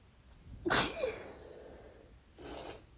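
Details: Single sharp, wet sneeze followed by a brief sniff, after the nose was tingling badly; the cause is unknown. Sneezing.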